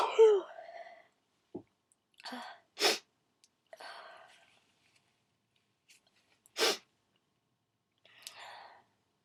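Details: A few sharp sneeze bursts with breathy in-breaths between, spaced irregularly in a quiet room, done on request as loud wet sneezes; sneezing.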